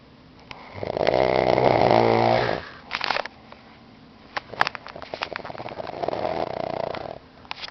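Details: An adult man (fiancé) snoring in sleep: a loud, rattling snore on the in-breath, then a pause with small clicks and a quieter second snore.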